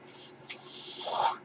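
A soft hiss rises into a louder rushing airflow, the sound of a mechanical ventilator delivering a breath.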